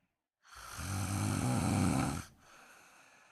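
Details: Woman snoring during a daytime nap: a single long, low rattling snore lasting under two seconds, then quiet breathing; snoring, and she wonders whether she needs a CPAP mask.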